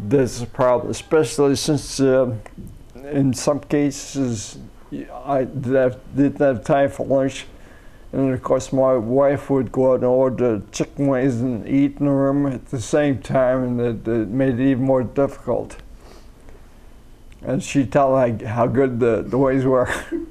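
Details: Ataxic dysarthria in an adult man with cerebellar ataxia, later rediagnosed as multiple system atrophy, after umbilical cord blood stem cell treatment in China in late 2008; speech has not yet improved as hoped, he sees a speech pathologist, and excessive saliva makes talking harder.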